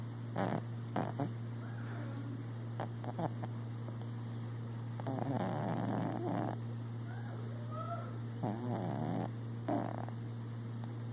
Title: Cow the cat snores with her eye slightly open